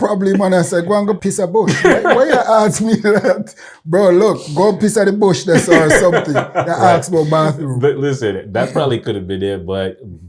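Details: Adult speakers in conversation; normal speech.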